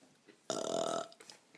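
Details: One loud, sustained belch lasting about half a second during a burping contest; a single burp.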